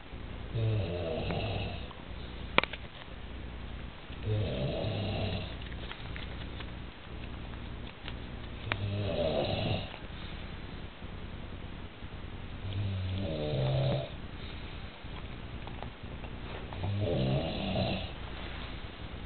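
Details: Loud rattling snores, about thirteen a minute and each roughly a second long, from an adult napping after a large Sunday lunch out: snoring.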